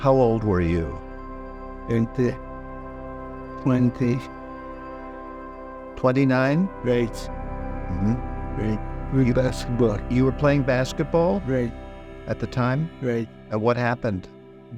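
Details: Non-fluent expressive aphasia after an anterior stroke in an adult stroke survivor with a weak arm.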